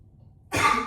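A single harsh, forceful cough burst after a quiet start, with some room echo.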